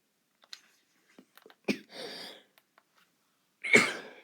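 A few soft taps, then a short cough burst and one louder harsh cough in a quiet room.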